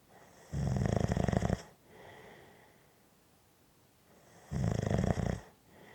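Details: Loud fluttering inhaled snores about every four seconds with soft breathing out between; typical snoring.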